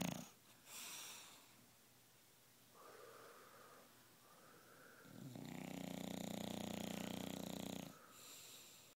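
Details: Bulldog snoring in the morning with her tongue hanging out: breathy, whistling noises, then a loud, buzzing, fluttering snore lasting a few seconds. Snoring in a short-nosed dog.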